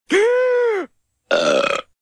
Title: Burps